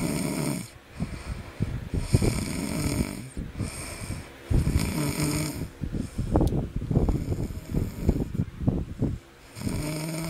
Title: the snoring baby